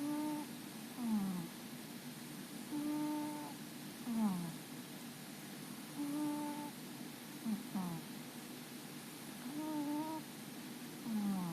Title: Sand the Cat Snoring and Twitching